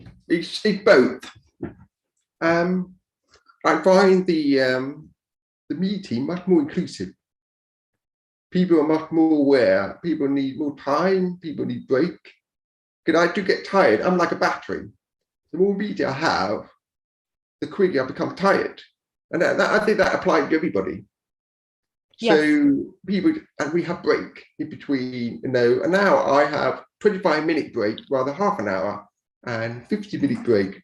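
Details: Deaf speech of a man born deaf who learned to speak rather than sign and now wears a cochlear implant after years of hearing aids; deaf speech.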